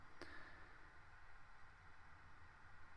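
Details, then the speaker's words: Endoscopic microsuction during bilateral removal of hard, dried ear wax: steady hissing rush of the suction tube with a low rumble and brief click, picking up dry skin on the left side of the ear canal. "just using the suction to pick that up a little bit of dry skin there on the left-hand side"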